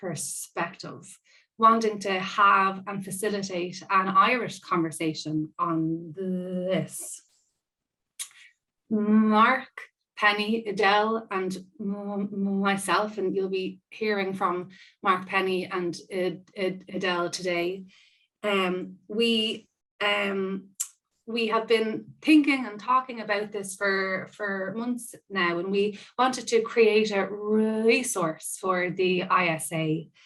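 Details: Stammering (stuttering) in an adult woman who describes herself as a person who stammers, with audible part-word and whole-word repetitions during real spontaneous speech.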